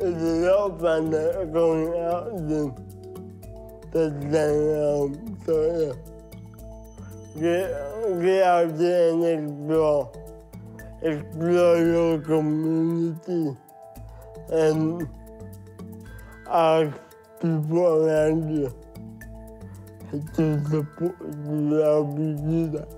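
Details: Dysarthria in a 23-year-old Samoan man with cerebral palsy, which he says means parts of his brain don't work well: dysarthria (cerebral palsy).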